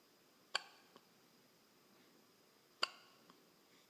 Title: hiccups